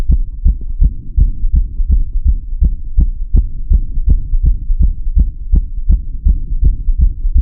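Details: Fast, regular heart thumps, about 165 a minute, with a soft hiss between beats, recorded through a stethoscope with audio tweaks; rapid heartbeat.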